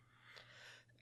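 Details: Adult podcast host, after a brief quiet moment, gives two quick, loose coughs, then says excuse me: wet cough.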